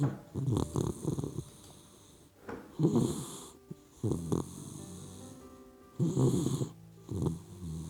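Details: A sleeping puppy dog gives rough, rattling snores on each in-breath, about four in eight seconds, over soft background music: snoring.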